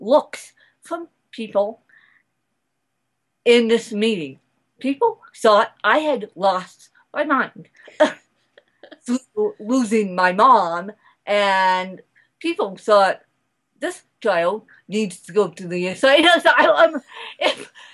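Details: Adult woman speaking; mild dysarthria (cerebral palsy).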